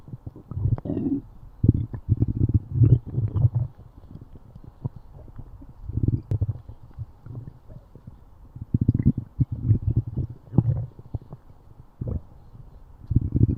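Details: Deep low rumbles and gurgles in bursts with quiet gaps between from a stomach; stomach growling, normal gut movement (borborygmi).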